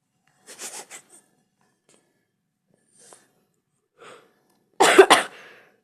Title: 👀ignore my cough😅